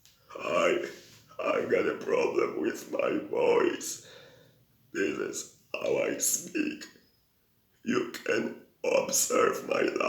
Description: Extremally long burp and introduction